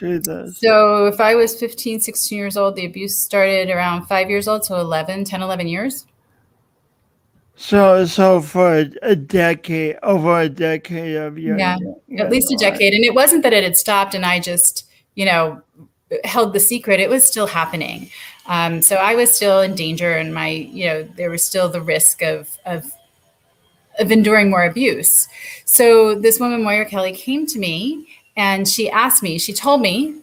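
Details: Adult woman speaking; typical speech.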